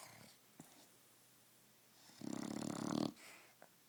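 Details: Sleeping dog: a single loud, fluttering, rattling snore on an in-breath, with quiet breathing before and after; snoring.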